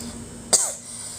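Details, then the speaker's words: Single short, sharp cough from a woman who is sick with a cough, over a quiet background hum. "Mau Tapi sayangnya aku batuk"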